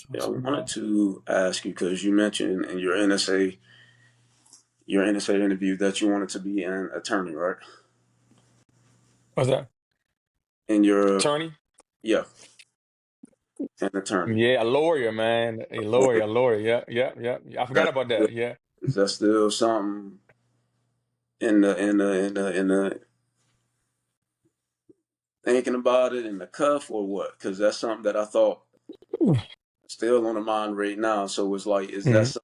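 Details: Adult man who has stuttered since childhood, in a real interview; stuttering.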